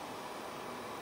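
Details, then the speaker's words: CPAP machine switched on with one button for COVID respiratory therapy, humidifier available: the sound of airflow as therapy starts. "его запускается он аж одной кнопкой вот вы нажали всем вот у вас пошла терапия"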